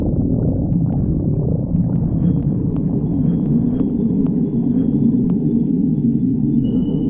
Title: stomach growling 52